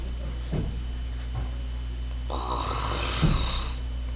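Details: Loud, rough, rattling inspiratory snore lasting over a second against a low room hum, from an adult woman: snoring.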